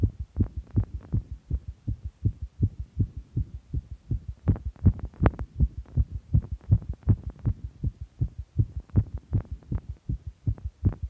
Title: fast visible heartbeat